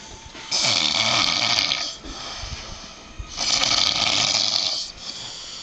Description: My fat Dad passed out and snoring